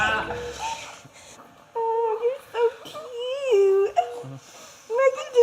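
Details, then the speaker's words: Loud, short, high-pitched wavering cries of a baby just after birth at a Dublin maternity hospital, with adult voices and room noise around; ordinary newborn cry. "When I first saw him, the screams out of home like that's the loudest baby scream I've ever heard."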